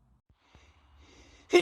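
A quiet catching inhale builds up, then a single loud, explosive sneeze.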